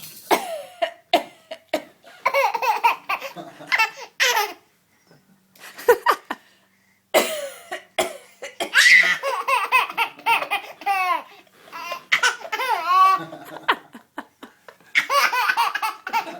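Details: 8-month-old infant gives short deliberate fake cough bursts for attention, mixed with laughter; a playful voluntary cough.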